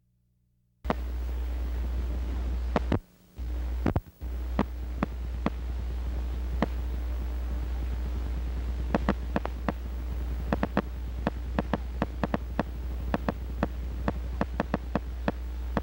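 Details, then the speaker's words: Teaching recording of spontaneous motor unit potential discharges (continuous fasciculation) on needle EMG in relaxed muscle: sharp clicks at a fairly steady but not always regular pace over a low hum. This pattern is described in infantile spinal muscular atrophy. "It is likely that this continuous faciciculation is what bthalidal call spontaneous mups which have been described in infantile spinal muscular atrophy."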